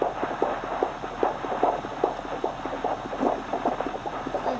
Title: 16 WEEKS PREGNANCY UPDATE + BABY'S HEARTBEAT!